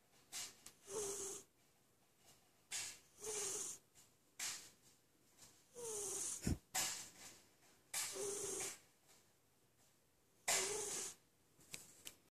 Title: Snoring cat Lessa